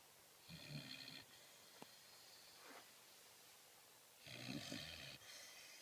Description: This lovely lady is a deep sleeper. And a very loud snorer. Yet another video of Sophie getting some zZZZs. Listen to the buzz saw snores.